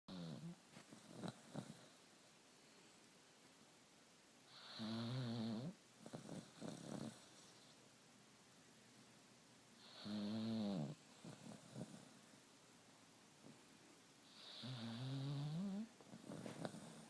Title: snoring doxie